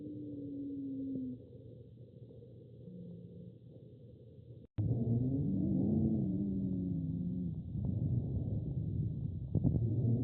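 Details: Human asthma wheezing: breath sounds carrying musical, whistling tones that rise and fall over several seconds.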